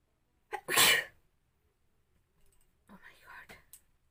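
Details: A sneeze induced by pushing a folded Hajmola packet into the nose as a sneezing challenge: a short inhaled catch, then one loud explosive sneeze, followed by quiet breathing and rustling.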